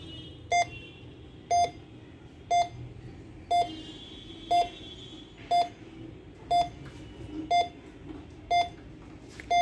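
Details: Regular electronic beeps, about 60 a minute, from an LPM 904 cardiac multiparameter patient monitor running in demo mode during a configuration walkthrough; faint room noise behind.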